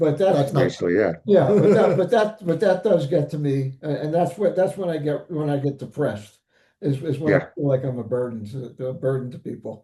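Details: Aphasia after stroke in an adult male survivor (older father of an adult son).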